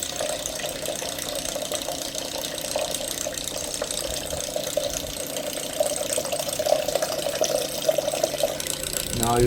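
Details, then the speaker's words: Laparoscopic suction irrigation pump just started via irrigation and flush buttons, steady mechanical whirring and watery flow with rising tone near the end; pump running. "So we have to press irrigation button and then flush button. So here the machine is being started."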